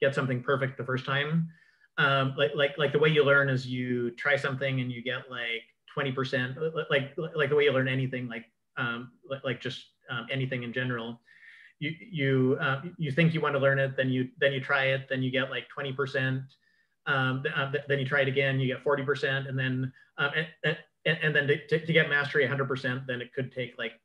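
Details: Cluttering in an adult man who reports having it, with word and phrase repetitions, interjections, revisions and telescoping (dropped sounds and syllables), especially when talking fast.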